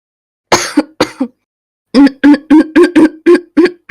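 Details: Woman, former long-term smoker, described as having vaping-linked lung injury (EVALI), coughing nonstop all day; she thinks she just caught a cold. Two rough coughs, then a rapid run of about seven forceful barking congested coughs.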